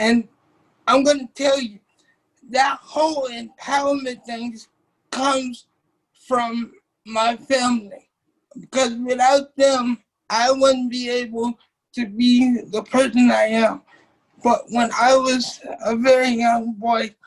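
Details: Dysarthric speech in a 27-year-old man with cerebral palsy since birth, affecting his muscles; he uses a wheelchair, and doctors had told his family he would not be able to talk.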